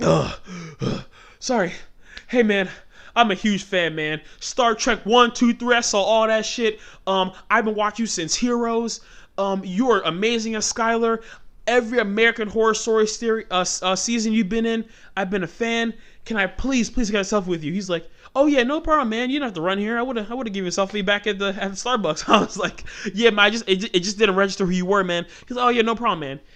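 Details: Adult male host with stuttering since childhood; it shows when he talks fast or gets passionate, and he tries to keep it under control by talking slowly.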